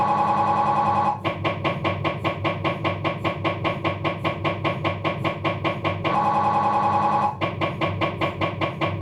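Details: MRI scanner noise from a Philips 1.5T abdominal scan: loud rhythmic mechanical knocking about 150 per minute, broken by steady buzzing tones.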